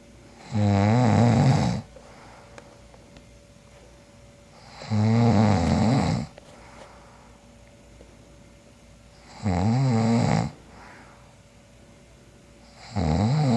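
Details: Loud, rattling snores about every four seconds, roughly 14 a minute, with quiet gaps, from a sleeping man who at one point snores loud enough to wake himself; recorder suspects borderline sleep apnea.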